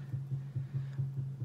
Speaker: wife has a microphone on her belly and we are monitoring the heartbeat of our baby through this microphone into this Yamaha head and added this little powered speaker let's our baby's heartbeat